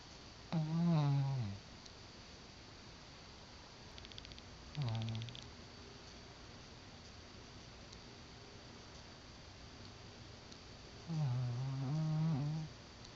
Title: Brownie the Snoring Dog